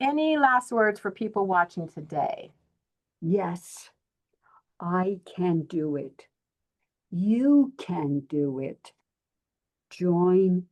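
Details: Aphasia in an adult woman following a stroke.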